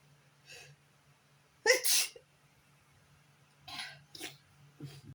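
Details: Sneezing on a bad allergy day: one loud, sharp, hissing sneeze in two bursts, plus several softer sniffing and nose-blowing bursts over a low background hum.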